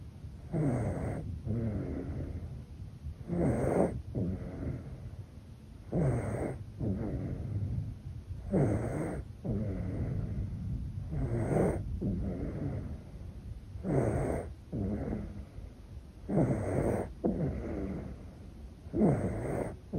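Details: Baby in deep sleep: soft, regular snoring with each breath, about 23 breaths a minute; ordinary infant snoring.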